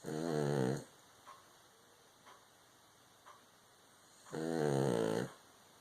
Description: Baby girl fast asleep on me, snoring loudly.